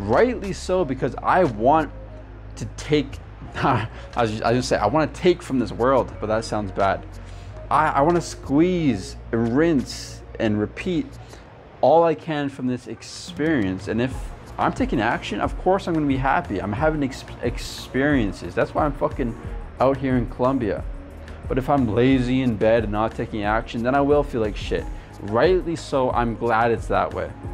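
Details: Adult man who stutters and coaches people who stutter; stuttering.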